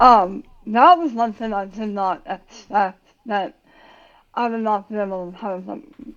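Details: Adult woman about 9 years after tongue cancer surgery and radiation, who had to relearn how to talk; speech difference after glossectomy.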